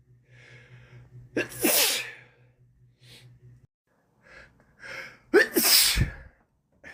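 Two sharp, explosive sneezes, each preceded by a quick inward breath, with soft breathing sounds between.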